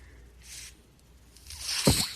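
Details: Podcast host's own mechanical ventilator in the background as he speaks: a soft airy hiss, then a louder rushing puff ending in a low thump, the breath cycle; mechanical ventilator.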